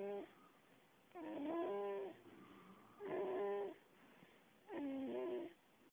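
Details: Whistling snore: repeated whistling, squeaky tones in regular cycles about every two seconds.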